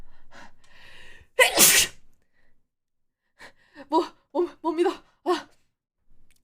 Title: 재채기 15호기